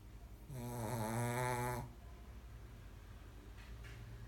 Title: いびきをかくミリー dog snores shih tzu シーズー